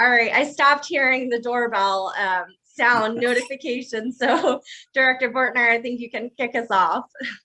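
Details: Adult woman speaking; Normal speech.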